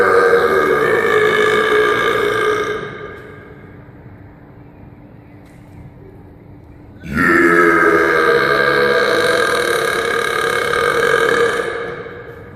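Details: Two long, loud, sustained belches with a rough croaking voiced quality and echo, separated by a pause; forced, deliberate burping.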